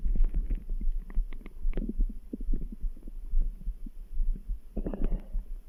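Low gurgling stomach rumbles with faint heartbeat thuds in the background; ordinary bowel sounds.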